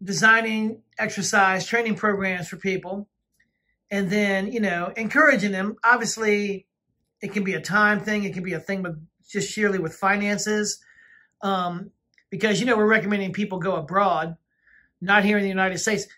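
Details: Adult woman speaking; ordinary speech.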